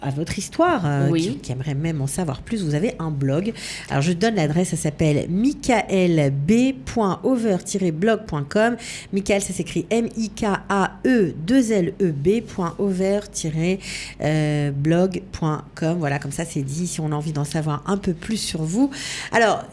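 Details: Adult women in conversation; normal speech.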